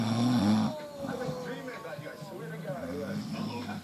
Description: Father and son snoring!